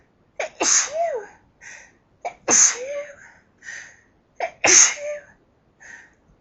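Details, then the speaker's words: Person holding back sneezes by pinching the nose until unable to stop, then a sneezing fit: three loud sneezes in a row, each a sharp explosive burst after a quick breath in, in a quiet room. "I'm pinching my nose to stop from sneezing. I can't stop it anymore."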